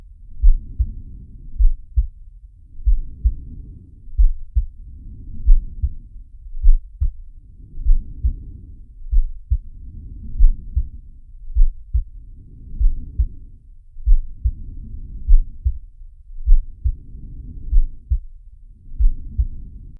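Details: Animated cartoon shark character's heartbeat and breathing sound effect, not a real recording: regular low thumping beats near 50 a minute, soft whooshing breath noise rising and falling behind.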